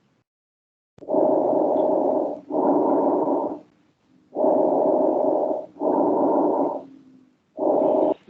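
Steady, hollow rushing airflow in paired in-and-out breaths, about 20 a minute, with a brief click at the end; normal breath sounds.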